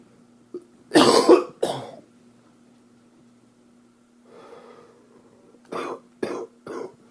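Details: Cough from an upper respiratory infection (2013 recording): two loud coughs, a breath, then three shorter coughs in a quick run, with a steady low hum behind.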